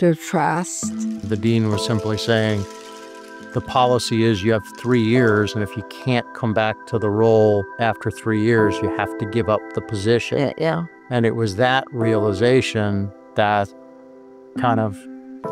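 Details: Adult male speaker; ordinary speech.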